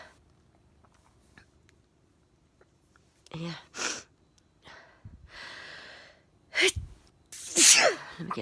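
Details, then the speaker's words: Quiet room, sharp in-breaths, then a run of three forceful sneezes, the last loudest; adult sneezing fit that started just before bed, with a 17-year-old cat purring nearby. "oh my just started sneezing i'm just about to go to bed"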